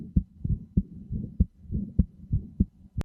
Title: Heartbeat sounds are said to aid sleep; wearing headphones is recommended for best results.